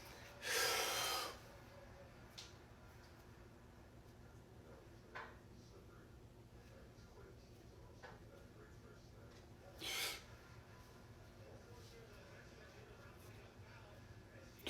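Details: Person with hiccups trying a breath-holding trick (repeated inhales, holding about 20 seconds); two loud nasal snorts, the first longer, with faint breathing between, after which he says the hiccups are gone.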